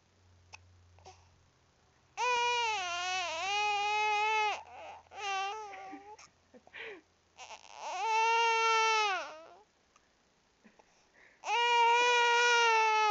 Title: crying cuz of hiccups